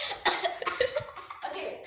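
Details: Adult coughing in a quiet small room: a quick run of several short, harsh coughs close together; ordinary bout of coughing.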